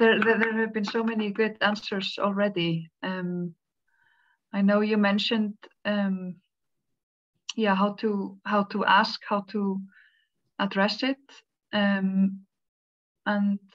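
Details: Woman who stutters, speaking as a panelist in a stuttering awareness day webinar; stuttering.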